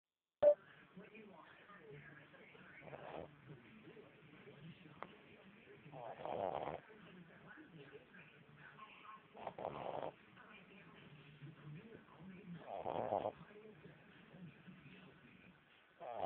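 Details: Soft, slow snoring: a low rasping noise on each breath roughly every three seconds, about 17 breaths a minute, under quiet room noise.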